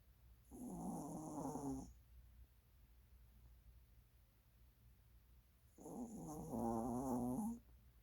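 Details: Maltese dog snoring: two rattling snores on the in-breath with quiet pauses between them; snoring.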